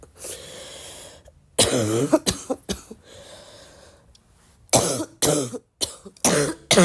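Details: Person still sick with a barking cough: several loud, harsh cough bursts in short clusters with quiet breathing between them; repeated cough during illness.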